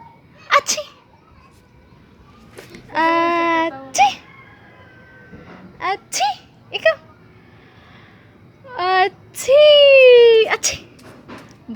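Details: 14-month-old toddler making a playful fake sneeze: breathy 'ah-choo' sounds and squeals between adult voices, an imitated, not real, sneeze.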